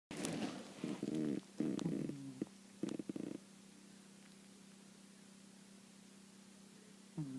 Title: Cat snoring